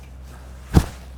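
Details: A female patient receiving a manual chiropractic spinal manipulation for a blocked right side and posture, with the patient lying down: audible spinal manipulation crack.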